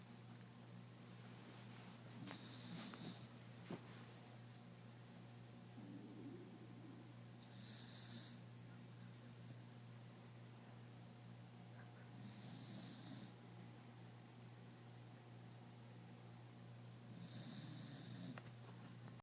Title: My dog snoring